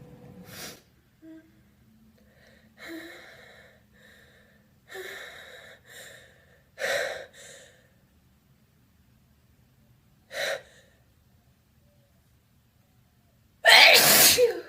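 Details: Several gasping in-breaths building up, then a loud, voiced, wet open sneeze at the end; ordinary sneeze.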